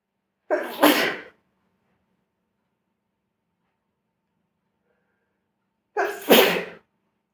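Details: Sneezing at smoking: two separate sneezes, each a short in-breath then an explosive burst, about five seconds apart in a quiet room.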